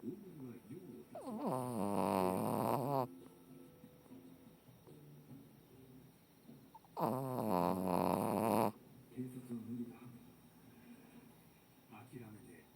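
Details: A 14-year-old female Shih Tzu dog snoring: two loud, rough, rattling snores about five seconds apart, with quieter breathing noise between them.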